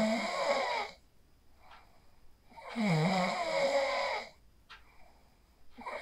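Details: Person sleeping after practising the 4-7-8 breathing technique (inhale 4, hold 7, exhale 8), recorded on a phone: loud rattling snores, one long snore about every three seconds, with quiet gaps between.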